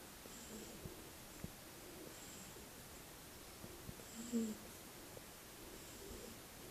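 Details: Shar-pei puppy sleeping: soft, quiet rhythmic breathing with faint low snoring tones about every two seconds, roughly 30 breaths a minute; gentle snoring.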